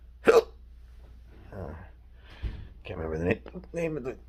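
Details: Intractable hiccups with choking spasms in a person in a cancer study: sharp hiccup with an abrupt gulping catch, then strained, choked vocal sounds.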